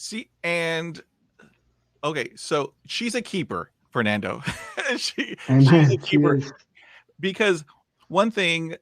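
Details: Adult man who stutters and says he still blocks, repeats and stumbles when talking aloud, even alone; stuttering.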